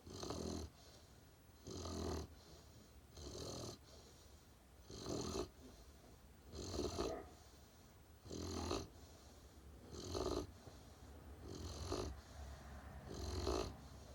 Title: Puppy Snores-Blanch the Great Pyrenees